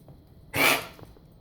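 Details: Jack, a dog, coughing on Sept 26, 2016: a single harsh, hoarse, dry hacking cough; bouts lasted an hour that morning and recurred while upright from about 4 p.m. until bedtime.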